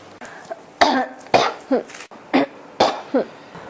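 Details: Adult with a scratchy, irritated throat who says they are trying to hold it back: repeated harsh coughs, about five in under four seconds, each followed by a short catch of breath; persistent cough.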